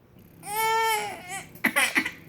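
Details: Baby crying in a recording about the baby's hiccups: a brief, clear tonal wail followed by a few short, broken sobs.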